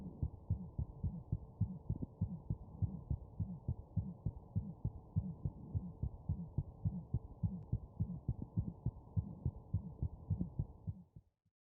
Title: Abnormal heart sound from wireless stethoscope